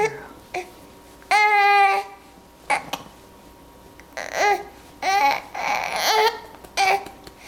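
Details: Infant hiccups: babbling and fussing with several brief, abrupt catches between sounds.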